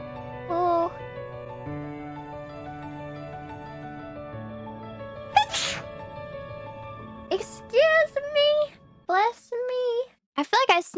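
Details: A female streamer, mid-speech over epic battle music, gives one brief sneeze and then keeps talking expressively; sneezing.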